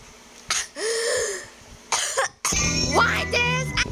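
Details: Child gives two short, sharp coughs with brief voiced sounds between them while commentating on a game, with cheerful game music in the background.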